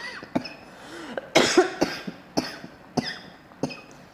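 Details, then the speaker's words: A single cough picked up by the microphone while an adult talks; the speaker apologizes afterwards. "Sorry. Ini kalau batuk gini pakai mic kedengeran banget kali ya. Maaf."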